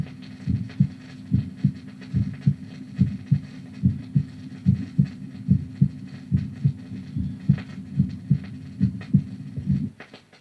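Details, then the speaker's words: Normal heart sounds recorded at the apex from a vinyl heart-sounds record: regular low lub-dub about 72 per minute with clearly audible first and second sounds. "The normal heart, recorded at the apex. The first and second sounds are clearly audible."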